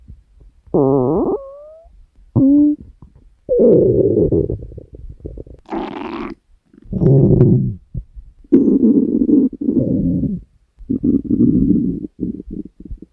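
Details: Long gurgling rumbles and squeaky rising tones from the belly, recorded for nearly 3 minutes; ordinary stomach growling from gas and fluid moving through the gut.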